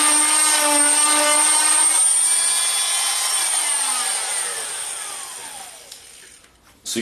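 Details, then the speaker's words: Oscillating cast saw bivalving a fiberglass foot cast with a rocking in-and-out punching motion: loud buzzing whine that winds down as the motor stops. "notice what i did there is i just did that's kind of a rocking motion in and out in and out in and out and that's the easiest way"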